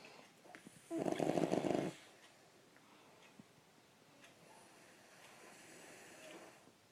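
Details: A father snoring while someone tries to sleep: one loud, rough, rattling snore lasting about a second, then quiet breathing and faint room noise.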